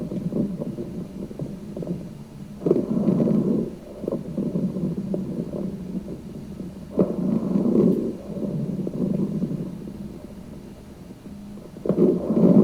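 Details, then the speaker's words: Rhonchi from secretions in the larger airways: loud, low-pitched bubbling rumbles heard early in the respiratory cycle, continuing throughout inspiration and expiration. "so again we anticipate with our Rock guide that we're going to hear this early in the respiratory cycle it's going to bubble throughout inspiration throughout exploration and it's going to be loud so let's listen to some rock guy"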